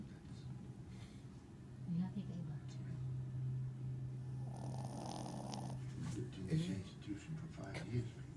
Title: THE DOG IS SNORING 💤VLOG2#justforfun